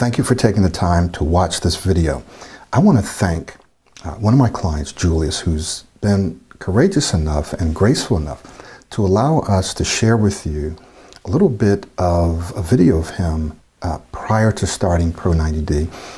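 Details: Adult male speaker; typical speech.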